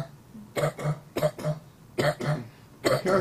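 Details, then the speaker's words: Habit cough in a patient seen at a hospital in Memphis, Tennessee: loud, harsh, honking coughs in close pairs, repeating steadily with a barking, throat-clearing quality; it goes on all day and stops during sleep. "of this cough as much as you hear that and this could go on all day once they're asleep they are quiet"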